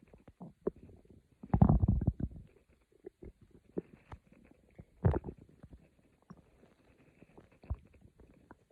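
Soft gurgling and rumbling bowel sounds in irregular bursts; ordinary stomach growling.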